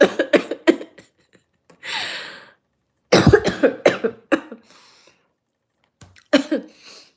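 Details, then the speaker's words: Adult coughing fit after yoga breathing (big gasps of air): repeated short, dry coughs in two bouts, one noisy inhale between, and a final cough. "Now I'm coughing. See, yoga makes me cough."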